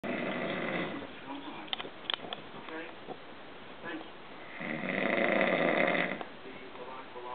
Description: Amazing how he can sleep through his own snoring, yet I say his name and he JUMPS.